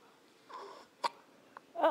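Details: Almost three-week-old baby girl, tired, gets hiccups: two short, sharp hiccups against quiet room noise, followed by a brief fussy vocal sound.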